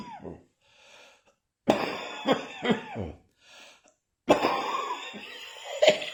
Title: Still Coughing Occasionally